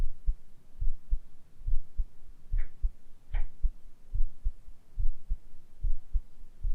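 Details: Real heartbeat through a stethoscope in a simulated ASMR home cardiology exam, patient rolled slightly onto the left side onto the stethoscope: normal heart sounds.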